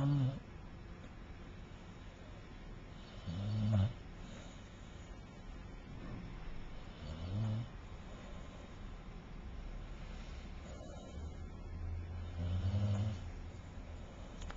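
Soft, low snores about every four seconds, roughly 17 a minute, faint against a constant low rumble of background noise.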